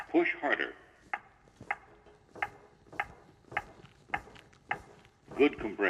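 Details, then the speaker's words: ZOLL AED 3 training demonstration after "no shock advised, start CPR": regular short metronome clicks at about 110 a minute with brief voice prompts, pacing chest compressions. "no shock advised start CPR push to match the tone the AED 3 is monitoring and reminding me to start CPR"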